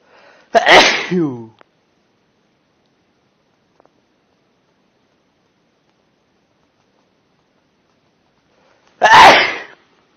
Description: compilation of loud male sneezes